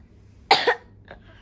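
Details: Young girl with a slight cough gives a single short, dry double-burst cough; mild cough.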